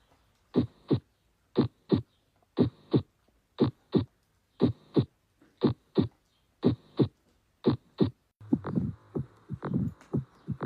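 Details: Normal heart sounds: regular paired lub-dub beats (S1 and S2) at about 59 a minute.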